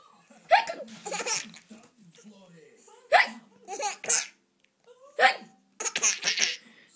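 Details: Simulated (pretend) hiccups amid laughter: three sudden, sharp hiccup-like catches of breath, each followed by giggling.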